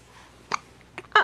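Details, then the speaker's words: Two or three short, sharp catching sounds in a quiet room from a smiling, happy baby: infant hiccups, a common harmless finding. "oh we got hiccups we got hiccups let's get you up right"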